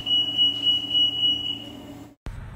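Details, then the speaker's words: High-frequency oscillator (HFO) ventilator switched on with the black button during setup demonstration: high pulsing electronic start-up alarm for about two seconds, then a brief cut-off and a thump. "black button for switch on the oscillator now the oscillator is being started"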